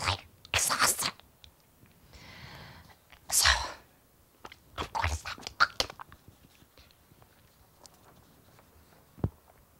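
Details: Woman with spasmodic dysphonia who says she can no longer speak normally or talk on the phone, speaking with spasmodic dysphonia.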